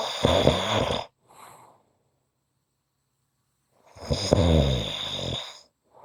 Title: Short snoring Audio